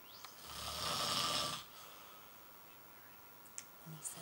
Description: This is just a warm up of my hubby's snoring -- the grand finale usually takes place while he is sleeping in our bedroom!